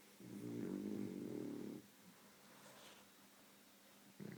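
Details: Sleeping female beagle dog that snores and twitches in her sleep: one low, rumbling, buzzy snore on a breath in, then quiet breathing and the start of another.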